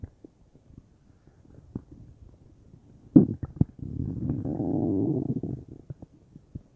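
Gurgling, bubbling rumbles with scattered pops and a longer churning run, typical of ordinary gut noises.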